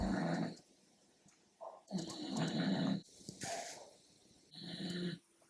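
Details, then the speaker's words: A resting dog gives repeated low, rumbling, buzzy snores at about 25 a minute in a quiet room; ordinary snoring. "you hear my dog snoring he refused to go outside the room and he was being an absolute pain until I let him in"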